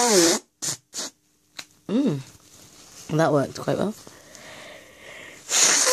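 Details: Sniffs, then several loud voiced sneezes and a couple of stifled ones in quick succession, during a requested sneezing fit with flowers as the trigger; nose blowing follows later. Sneezing fit.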